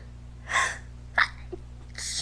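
A sharp sneeze, then a quick gasp and a second burst beginning; repeated sneezing.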